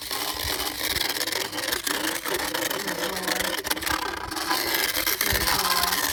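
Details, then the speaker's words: Steady motor whir with rough grinding and rasping as a handheld Dremel-type rotational power float files the molars of a 15-plus-year-old mule overdue for dental care, reducing sharp points; motorized equine dental float. "so we have this handheld Dremel um rotational float and that's how we're going to fix up Howdy's mouth"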